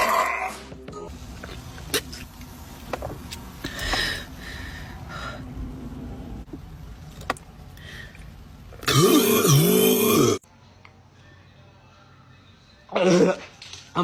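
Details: A loud, drawn-out burp of about a second and a half, then a shorter one, over music; the burper says their tummy hurt just before.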